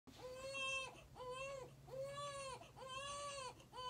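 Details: Repeated loud infant cries, about one per second, with a steady wailing pitch and faint low hum, used in the song "Tantrum"; the story links it to the couple's son, born during missionary years in Guatemala.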